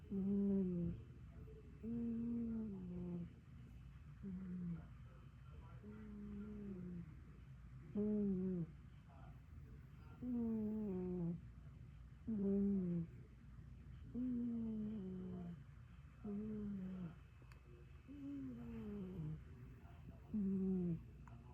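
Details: Sleeping panther snoring: deep, rhythmic, voiced rumbling snores about every two seconds, roughly 29 a minute.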